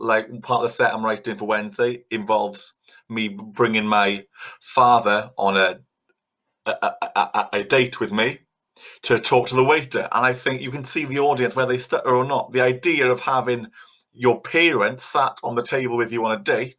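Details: Stuttering in a 50-year-old man, a podcast host who describes having blocks and a speech impediment, with repetitions such as repeated words.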